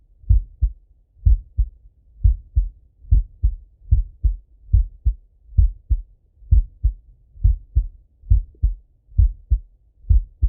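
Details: Male heartbeat auscultated with stethoscope while lying on his left side: clear, regular lub-dub heart sounds at about 68 beats a minute over quiet background, normal heart sounds.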